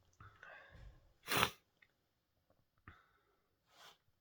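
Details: Sneezing with a cold: quiet in-breaths and faint vocal sounds, then one sharp sneeze and a softer breathy burst.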